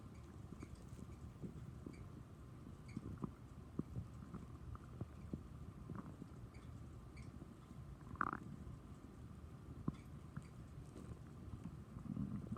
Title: Stomach growling from chocolate milk